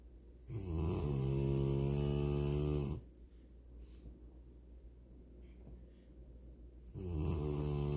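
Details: A sleeping Rottweiler snoring: two long, loud, low, rattling snores with a quiet breath between them.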